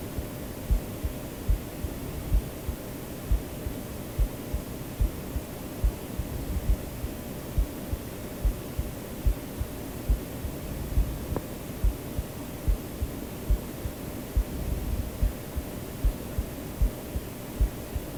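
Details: Self-recorded heartbeat of the video's creator, mixed into a white-noise sleep-aid track: steady low thumps at about 71 beats a minute under constant white-noise hiss, a normal heartbeat.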